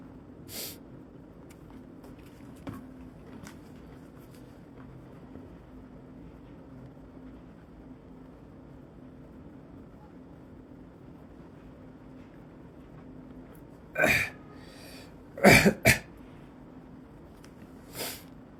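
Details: Acted, simulated sick-day ASMR sounds: a long quiet stretch, then a few short coughs and sniffs near the end. Cough.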